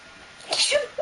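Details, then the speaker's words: Brief, hissy, stifled sneeze over light background noise; woman sneezing repeatedly during a makeup demonstration, saying she is being really sneezy. "I'm going to sneeze going to use a waterproof liner being really like Sneezy"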